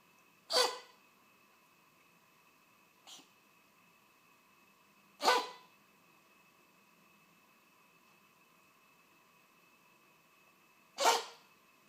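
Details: Black cat coughing: three sharp, explosive coughs spaced several seconds apart, with a faint smaller burst between them.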